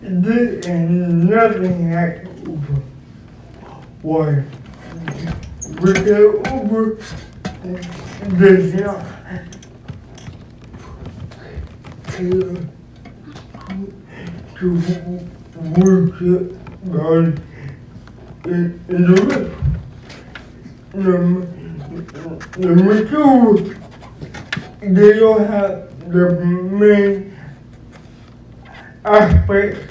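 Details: Dysarthric speech in an adult man described as physically challenged with a speech impediment, who uses a wheelchair and needs a personal care assistant; real speech.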